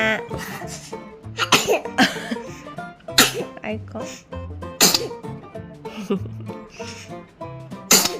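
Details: Small pet eating sweet pumpkin makes about four short, sharp sneezes spaced a second or two apart over steady background music.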